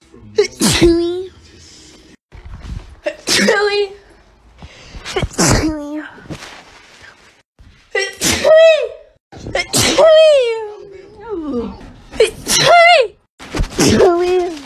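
About seven sharp, high-pitched sneezes, each with a quick intake and an explosive squeaky release; repeated sneezing.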